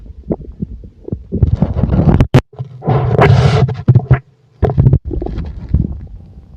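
Loud gurgling and low rumbling with bubbling bursts and brief pauses; ordinary bowel sounds of a full stomach.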